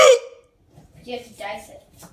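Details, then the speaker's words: Adult with unusually severe, out-of-control hiccups while cooking, says breath-holding usually works: a sudden loud hiccup, then a pause and quiet voiced sounds. "I'm going to throw up if I keep hiccuping like this what is the deal with this"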